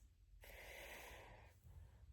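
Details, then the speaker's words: One loud, rough, rattling snoring breath lasting about a second, then quieter breathing, from an adult man sleeping in the adjoining room at night. "ওই দেখো ভয়ঙ্কর নাক ডাকছে। আমি ভাবলাম কিসের আওয়াজ হচ্ছে,"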